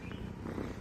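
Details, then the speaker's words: Steady, loud, low continuous purring rumble from the family's fattest cat, a female, before a bath. "看这个呼噜声，你看到没有？完了！这个鼾声真的好大哟！"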